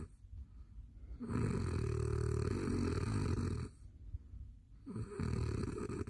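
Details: Adult man who snores heavily and loudly, recorded by his wife late at night while asleep: snoring.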